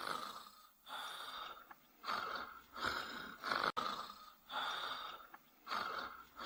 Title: Wan-chan snoring